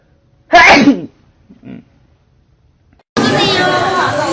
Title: 《 funny 》compilation k pop idols sneezing caught on camera | army | ayat jiwang